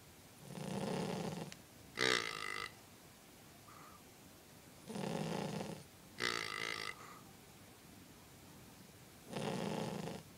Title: Snoring Dog - King Charles Cavalier